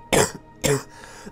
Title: Frameworthless Coughing